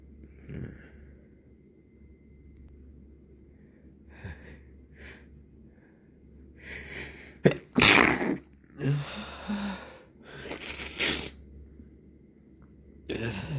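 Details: Stuffy nose after several days of irritant exposure and much rubbing, recorded in the evening: several sneezes, some loud and some stifled, with congested sniffing and breaths between over a low room hum; sneezing.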